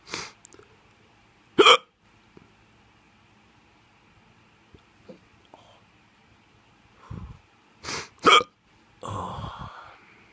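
Sharp, abrupt hiccup bursts, about four in ten seconds, with a sighing breath at the end; repeated hiccups.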